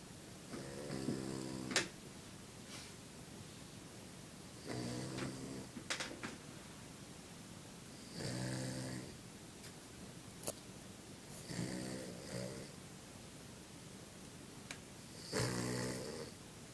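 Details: A sleeping dog lying on his back snores with rumbling snores on each breath, about five in 17 seconds, plus occasional clicks and snuffles.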